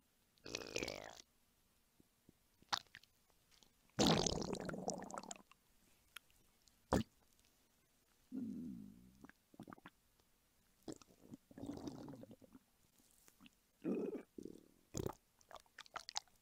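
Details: Scattered gurgling and squelching bursts with a few rising and falling growls between quiet gaps, from a hungry adult woman's belly recorded for ASMR; hunger stomach rumbling (borborygmi).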